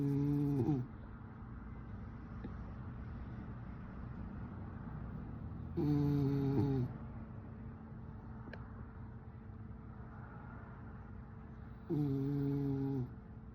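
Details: Snoring from a sleeping French Bulldog: three loud, buzzing snores roughly every six seconds, about ten a minute, over a steady low hum; ordinary snoring.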